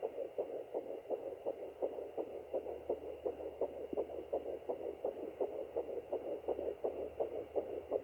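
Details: Fetal heartbeat on doppler at 10 weeks 5 days of pregnancy, rapid regular whooshing pulses at about 165 a minute; possible twins, two gestational sacs seen at 8 weeks, one heartbeat near 0:30, second near 1:25.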